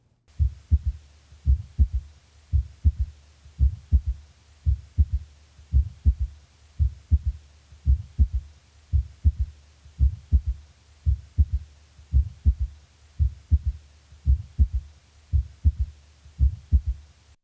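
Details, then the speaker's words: Third heart sound (S3), shown against a mitral-stenosis opening snap: a soft, low-pitched extra thud after S2 at a longer interval than the snap, in a slow regular rhythm; S3 is best heard with the stethoscope bell lightly held. "note that the s3 follows the second sound by a longer interval and is lower in pitch than the opening snap"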